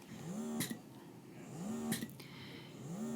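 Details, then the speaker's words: Slow rising motor whine ending in a release click, roughly 45 cycles a minute; a Motif Roam portable breast pump in expression mode, cycles starting at 44 and quickly slowing. "These cycles are very slow. So, if I said those ones were very slow, these ones are very slow. Starts on 44 and quickly goes down from there."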